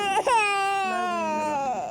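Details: Infant cry: one sustained, tonal, high-pitched cry from a distressed baby girl in the emergency department, assessed for a suspected ear infection.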